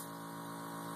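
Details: Jet nebulizer compressor running with about 2 cc sterile saline and no albuterol, during a demonstrated treatment with full inhalations and exhalations: steady mechanical hum with constant motor whine.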